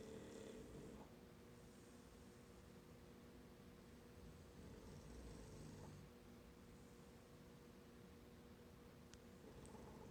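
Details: Two English Bulldogs snoring during a morning nap after playing hard in a field: steady low, rattling rumble rising and falling with slow breaths over faint room hiss.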